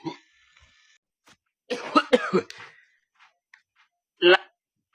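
A few short, harsh cough bursts separated by quiet gaps, with a final louder cough; ordinary coughing.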